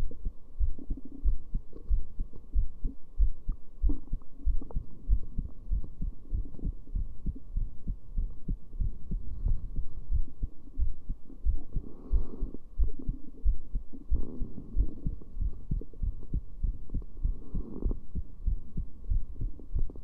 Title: Heartbeat with heart rate display